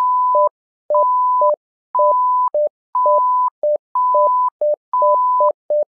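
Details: Simulated patient monitor (SimMon) alarm: a repeating pattern of long and short electronic beeps at two pitches forming an alarm sequence.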